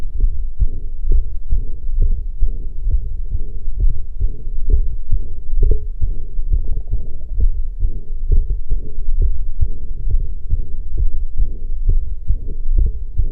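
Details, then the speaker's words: Heart sounds at about 67 beats a minute with a soft mid-systolic murmur between beats, a flow murmur from increased, accelerated forward flow rather than outflow-tract disease. "severos un soplo mesosistólico. Esto no implica patología del tracto salida, sino más bien a un aumento y aceleración del flujo antereógrado."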